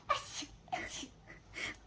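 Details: Child imitating sneezes on request: three short, breathy, sharp hissy "achoo"-like bursts, not real sneezes.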